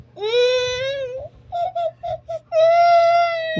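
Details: Infant cries in strong, tonal wails with short catching sobs after bleeding from a wound, as a parent speaks of applying alcohol and going to the doctor.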